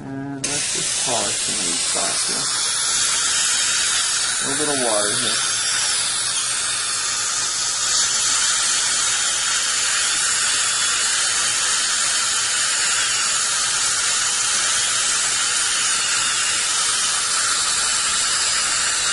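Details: Brief talk, then continuous high-pitched dental handpiece whine with water spray hiss while adjusting a too-tight contact on a replacement bridge, upper left; patient had a loose, roughly 12-year-old bridge with a hidden root infection.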